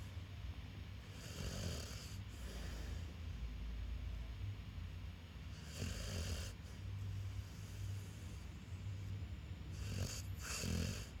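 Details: Sleeping dog makes slow, rhythmic rattling breaths, about fifteen a minute, with a soft snort on each breath: snoring.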